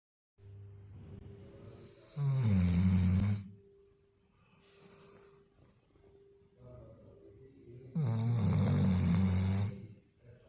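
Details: Dog snoring while lazing: loud rumbling snores on each breath in with quieter breaths out, about two breaths in ten seconds, over a steady background hum.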